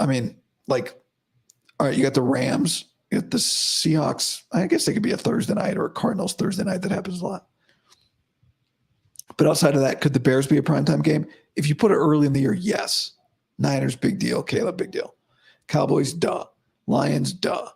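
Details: Adult man about five to five and a half weeks after vocal cord surgery, improving daily but unchanged today after heavy voice use and no sleep: dysphonia after vocal cord surgery.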